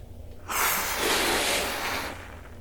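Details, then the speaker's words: Simulated unhealthy lung: a popcorn-filled balloon being blown up gives a shaking, harsh, rattling wheezy rasp; the healthy balloon made no sound, and the demonstration concerns vaping chemical risks. "All right. And that's what it sounds like. So that shaking you hear that kind of wheezing raspiness is kind of what that unhealthy lung sounds like."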